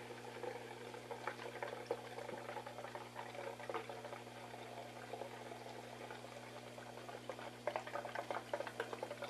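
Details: Low steady hum with bubbling, gurgling liquid as a PureWick female external catheter on vacuum suction draws urine through its wick into the collection jar; live demonstration.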